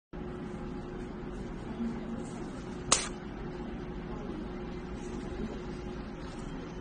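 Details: A single sharp snap over steady room noise as a Comfort-In needle-free jet injector uses pressure to inject local anesthetic for an inferior alveolar nerve block; jet injector firing.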